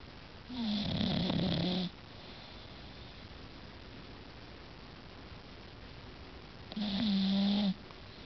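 Two loud snores with a whistling, buzzing tone, separated by about five seconds of quiet breathing.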